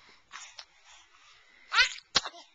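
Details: Sneezing, likely from a dog in the morning: soft snuffling and breathy bursts, then two sharp explosive sneezes, with quiet room noise.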